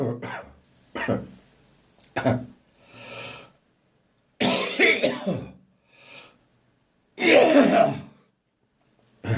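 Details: Cough that returned after seeming to clear, recorded on the morning of St Andrew's Day: a coughing and gagging session. Cough with gagging.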